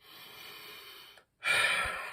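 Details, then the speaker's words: Huff (forced expiration technique) by a person with cystic fibrosis during chest physiotherapy, done at the end of cycles with an Aerobika device: deep breath in, brief pause, then forceful open-mouthed breath out to clear lung secretions. "obviously a bit of um huffing uh which is obviously taking a deep breath in"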